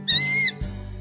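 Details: Young male with Tourette syndrome, a neurological condition; vocal tic heard as a really loud screeching noise.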